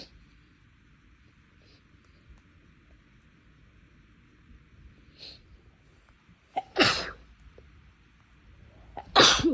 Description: my nose has been bothering me recently and the sneezes are a lot bigger and louder than normal.